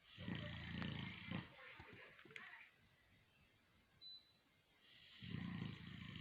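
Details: Heavy snoring from large sleeping Boerboel (African mastiff) dogs: loud, deep rumbling breaths with pauses between them.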